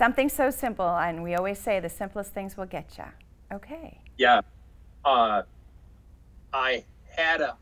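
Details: Adult woman speaking, possibly with a second speaker; ordinary conversational speech.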